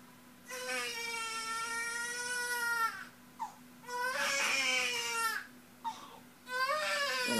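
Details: Newborn boy on his first day, crying strongly in sustained long wails with catch breaths during a diaper change; a normal vigorous cry.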